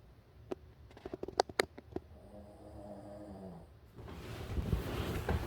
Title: Doggo sleeping snoring